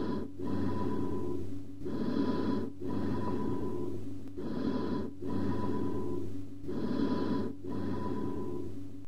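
Hollow, resonant breath sounds with a metallic ring, amphoric breathing over a large open lung cavity.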